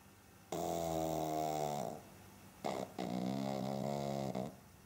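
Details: Pug snoring on a couch; loud, buzzing, vibrating breath sounds, two long snores separated by a brief snort, from a flat-faced dog. Snoring.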